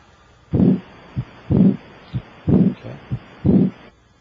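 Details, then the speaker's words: Normal first and second heart sounds heard by stethoscope at the apex of an adult during a cardiovascular examination. The regular beat is about 62 a minute, with a louder first sound and a softer second sound. "I can hear your first heart sound and I can hear the second heart sound the first hot sound should have a louder quality in this apical position"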